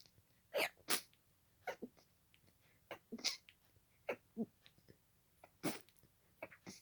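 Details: Rapid run of about eight sharp sneezes in under seven seconds, part of a sneezing fit continuing from an earlier fit and lasting about 20 minutes at this speed; paroxysmal sneezing.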